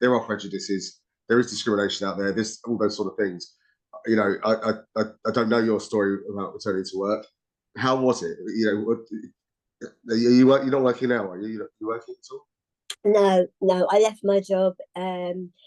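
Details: Two adults in conversation; conversational speech.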